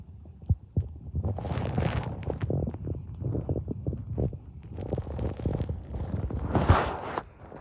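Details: Person's empty, hungry stomach making noises: low gurgling and growling rumbles; ordinary hunger borborygmi.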